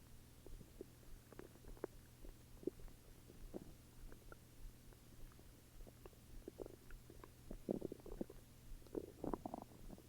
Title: Stomach growls